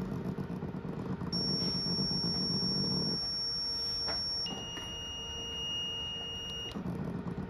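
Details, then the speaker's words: Zoll defibrillator in AED mode, toggled with the analyze button: steady high electronic tones rising and holding as it analyses and charges, over room noise; AED analysis and charge tones. "this device comes with AED mode which can be turned on and off by pressing the analyze button"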